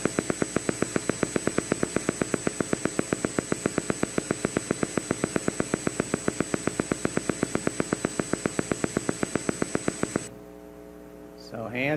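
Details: Voluntary motor unit potential (EMG).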